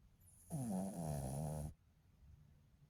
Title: My baby sleeping 🥰 she snores very loud. Sometimes🥰 #slowliving #dogs #pets #petlover #sleepingdogs